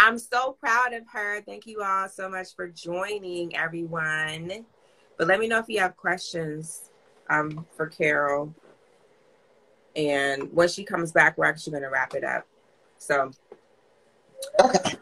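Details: Adult female speaker; normal speech.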